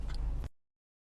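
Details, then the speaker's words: Male's stomach growling after being upset all day, movement felt in belly: a brief, low rumbling gurgle from the abdomen, then silence; ordinary bowel sounds. "My stomach has been upset like all day. So, we're gonna see what it sounds like. It's probably need. I can feel it like moving."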